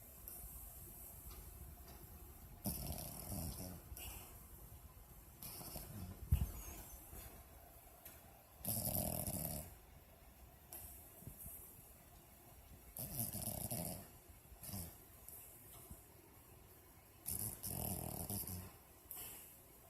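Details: Female dog snoring in her sleep: low rumbling breaths recurring about 12 a minute; her lips move at times as if talking in a dream.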